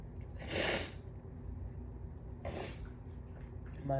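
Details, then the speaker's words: Person sneezing after waking up very congested with a completely clogged nostril; unsure whether it is an early cold or morning allergies. Two sharp, hissing sneezes a couple of seconds apart in a quiet room. "nostril was completely clogged so but hopefully those are not the beginnings of a cold sneezes and they are just morning allergy sneezes"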